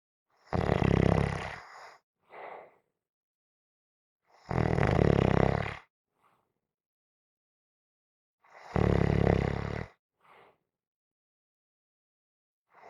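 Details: Gentle snoring: deep, rattling snores on each breath in with quieter breaths out, about 15 breaths a minute, regular.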